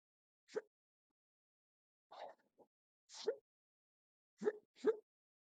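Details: Induced hiccups filmed from a stomach view: five short, quiet, abrupt gulping sounds at irregular intervals in silence.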